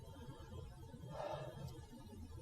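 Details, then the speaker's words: Patient asked to take big breaths in and out through the open mouth during stethoscope auscultation of the back: a single deep, breathy mouth breath over a low room rumble. "mr. Johnson I'm going to ask you to open your mouth and take some nice big breaths in and out through your mouth okay big breath in again again"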